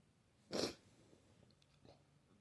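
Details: Messy sneezing during flu: a single sharp, explosive sneeze burst followed by faint sniffling in a quiet room.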